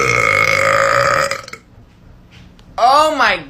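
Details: Woman (Melissa) long, loud, deep voiced belch, pause, then brief rising vocal sound; burping.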